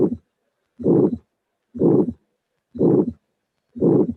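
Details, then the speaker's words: Degenerative aortic stenosis in an older patient: regular harsh, rasping systolic ejection murmurs at about 60 a minute, loudest at the aortic area and radiating to the apex (mitral area). "This is what we hear in an old patient with a degenerative aortic valve with maximum intensity of the murmur on the aortic area. So this is a classical finding in a degenerative aortic stenosis of an old patient."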